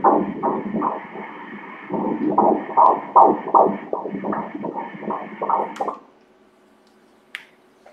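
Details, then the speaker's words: Doppler ultrasound fetal heart at 15 weeks of pregnancy, female fetus: rapid, regular whooshing pulses at 157 beats per minute, a normal rate. "the heart rate is at... 157 beats per minute the sound most beautiful in the world"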